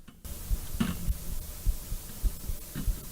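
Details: Heartbeat of a streamer just after waking, with the volume boosted because it was otherwise hard to hear: a steady low thumping at about 105 beats a minute over faint room hum.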